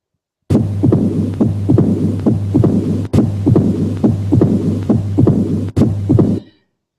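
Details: 62-year-old villager in Nepal with increasing, debilitating shortness of breath: heart sounds at about 70 a minute over a low hum and background noise, with loud first sound, opening snap and diastolic rumble; mitral stenosis.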